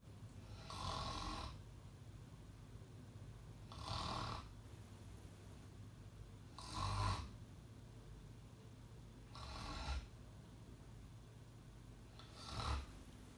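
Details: Staged comedy skit of someone snoring too loud: five rough, rattling breaths in about 13 seconds, near 22 a minute, regularly spaced with quiet between, over steady room hum; snoring.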